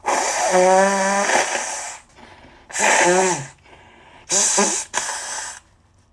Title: #84 - a couple of sneezes and lots of snotty, honky nose blows from my cold